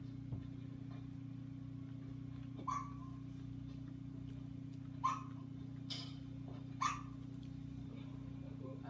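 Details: One-day-old newborn boy in hospital, held in arms, having his first hiccups: four brief, soft hiccup sounds over a steady low room hum.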